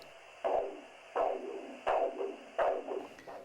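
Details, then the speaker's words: Arterial Doppler signal over the brachial artery with the probe at 60° toward the head, for ankle-brachial index measurement in peripheral arterial disease. Regular whooshing pulse bursts, about 85 per minute, each with a softer second component. "inflate the cuff rapidly until the break your heart flow ceases no further Doppler signal and continue for about 20 to 30 millimeters of mercury above this value"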